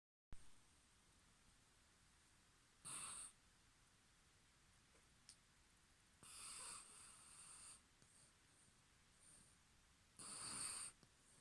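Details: Dog asleep at the end of the owner's bed snoring: three loud, rough snoring breaths a few seconds apart in a quiet room.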